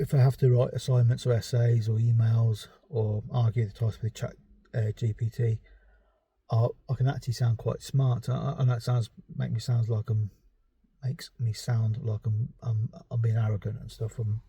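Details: Stuttering (stammer) in an adult man who also has ADHD; he reports avoiding or substituting words he cannot produce at the moment and restarting sentences.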